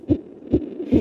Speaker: it's the heartbeat of an infant in the womb at 6 months his heart's beating at about 140 beats per minute